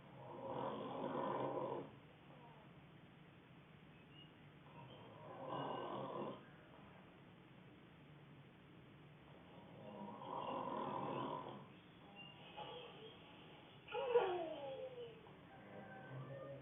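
Low, rough snores about every four to five seconds over faint room hiss, with quiet breathing between; snoring.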